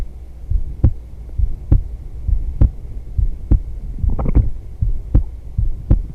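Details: Steady low thumping female heartbeat, about 67 beats a minute, with a soft hum and some rustling, in a heartbeat ASMR yoga recording; a normal resting heartbeat.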